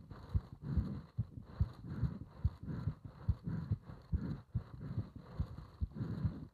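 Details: Heart sounds recorded during paper-bag breathing (part 3): regular, low heartbeats at about 71 a minute with breathing noise between beats; heart sounds.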